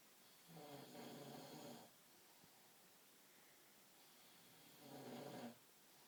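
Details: Man sleeping: two loud, rattling inhaled snores about four seconds apart with quiet breathing between; heavy snoring.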